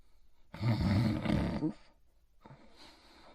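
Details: A single loud, rough, low snore lasting about a second while sleeping in his bed, followed by a softer breath.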